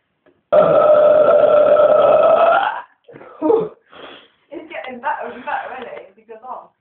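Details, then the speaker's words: Man burping after kebab and cola, still going: one long, loud belch of about two seconds, then a few shorter vocal bursts and speech-like sounds in a small room. "oh he's still going"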